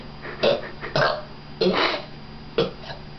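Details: Four short, rough belches in quick succession from a female; burping.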